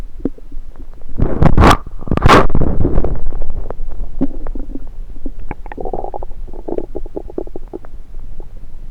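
Low gurgling and rumbling through a stethoscope on the belly, with bubbly pops and one louder surge. Ordinary active bowel sounds.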